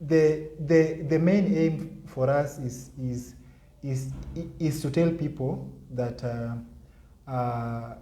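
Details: Adult man with stuttering (stammering) since childhood, severe in primary school, who has worked to improve his speech impairment.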